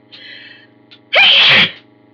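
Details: An adult sneezes while reading a book aloud; a short inhaled catch, then one loud, explosive sneeze over a faint steady room hum.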